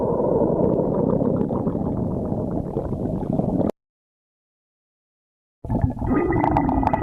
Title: stomach growling